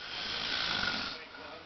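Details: Man who dozed off while watching an Olympic race walk, snoring: one long rasping, hissy breath noise fading at the end.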